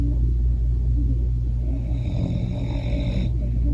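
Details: A man snoring loudly enough to be heard from outside: steady, low, rough rumbling with each sleeping breath.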